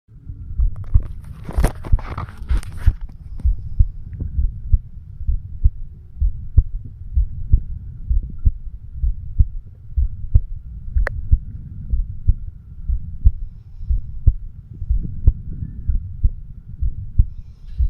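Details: 36-year-old man recording his own heart with a homemade microphone stethoscope over the mitral (bicuspid) valve area: steady regular low thumps about 64 beats a minute, brief rubbing noise early: normal heart sounds.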